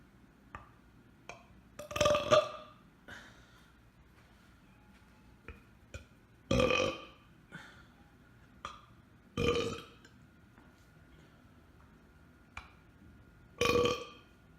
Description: Burping on command will get you places.